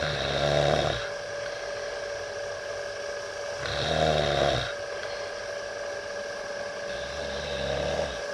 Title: Big Snoring Idiot